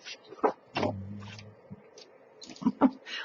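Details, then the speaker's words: A sleeping dog snoring: a single low, buzzing rumble heard over paper rustling, clicks and crafting noise in a quiet room. "know if you can hear but Wilbur is just snoring his little head off over there"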